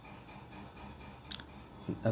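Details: Two steady high-pitched electronic beeps over quiet room noise: a digital thermometer, set to Celsius, signalling its reading is complete.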